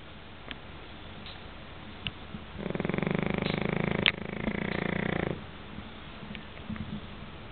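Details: Snoring in a sleeping Pekingese dog: one long, rattling, fluttering snore lasting about three seconds, rising out of quiet background noise.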